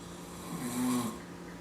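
A single short, rough, buzzing breath with a faint whistly tone: a snore.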